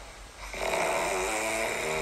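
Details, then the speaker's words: Adult husband snoring at night, recorded by his pregnant wife: low, rough rattling in-breath rising out of quiet room noise and holding steady; snoring he has done nightly lately, possibly from work fatigue. "我给你听一段录音，这是我昨天晚上半夜录的。什么东西啊？半夜你录啥玩意儿？这是在干嘛？打呼噜。这是在杀猪吧？太可怕了！"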